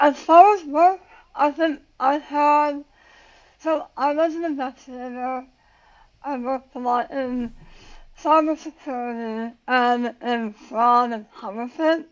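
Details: Adult woman about 9 years after tongue cancer surgery and radiation, who had to relearn how to talk; articulation disorder after glossectomy.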